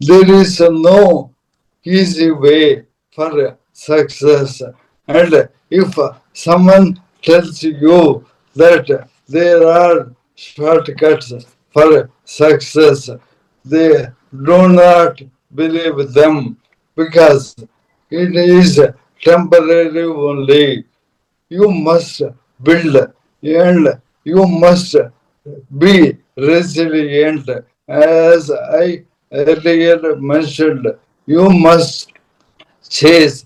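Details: Dysarthria in an adult man: Parkinson's disease from 2022, diagnosed late, very severely affecting speech and mobility; later diagnosed with ALS / motor neuron disease.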